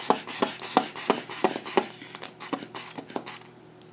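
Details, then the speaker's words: Nursing skills demo of an adult blood pressure measurement: the hand bulb is squeezed about 90 times a minute, each with a soft squeak and rush of air, inflating the cuff 30 mmHg above the palpated pressure. "you're going to inflate the cuff about 30 millimeters of mercury above what you got when you palpate it so let's do that"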